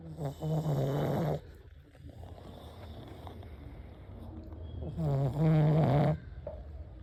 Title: Pug snore hard to handle 😴😴🫨🫨🫨🤪🤪🤪🤪